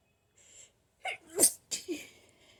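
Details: Person with allergies sneezing and blowing nose: a sharp indrawn breath, then a loud sneeze and a short follow-up burst; allergic sneezing.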